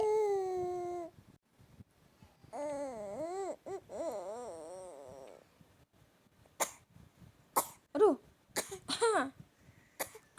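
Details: Child's vocal sounds, then several short sharp cough bursts; deliberately exaggerated, acted coughing by a young child rather than an illness cough.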